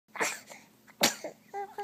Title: Cutest baby sneeze ever!